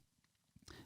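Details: Pet dog sleeping in a quiet room, heard in the background: a brief snorting, rumbling snore.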